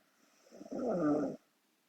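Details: Korean girl snoring in her sleep: a single rough, fluttering snore on an in-breath, lasting under a second, then quiet.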